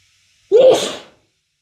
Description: And yet another fit from this snotty sneezy cold.